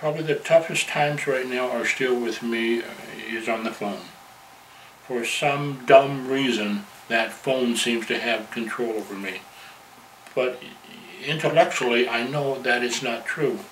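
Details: Stuttering in a man from a stuttering support group chapter who openly advertises his stuttering; stuttering.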